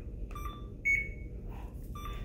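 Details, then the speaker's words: CADD-Solis PCA infusion pump, demonstration setup with cassette attached: air-in-line alarm just after starting the pump, short high repeating electronic beeps warning of air in the tubing before silencing and re-priming. "it's telling me i still have some air in the pump so i'm going to silence and acknowledge"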